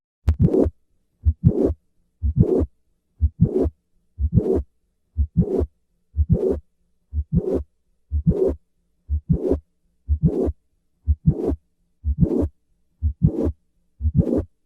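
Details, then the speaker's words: Mitral valve prolapse: regular heartbeat with a mid-systolic click followed by a short late systolic murmur. "listen once again to a patient with mitral valve prolapse"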